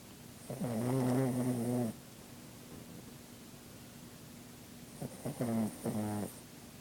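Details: Sleeping pet wrapped in a blanket: two drawn-out, rattling, voiced snores a few seconds apart; ordinary snoring.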